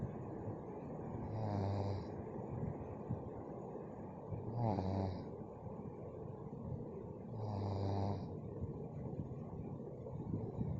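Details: Three rough, low, rattling snores on inspiration, about 19 per minute, over a steady background hum; snoring.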